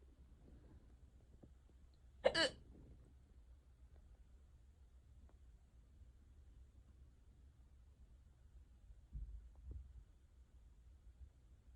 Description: these are still going on as i’m writing this this is insane i never get hiccups this bad